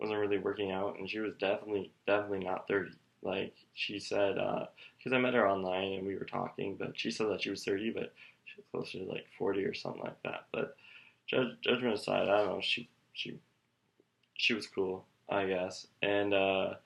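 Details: 27-year-old man who stutters, speaking with audible repetitions; stuttering.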